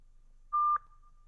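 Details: A single steady electronic tone of about a quarter second as a ZOLL Zenix hospital defibrillator/monitor is switched on during its daily readiness check, before the 30-joule self-test. Defibrillator power-on tone.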